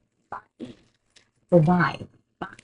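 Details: Lecturer demonstrates the word "five" with a poor, almost segmented consonant-to-vowel transition, possible slight insertion and slowing, as a sign of awkward movement transitions; segmented consonant-vowel transition (childhood apraxia of speech).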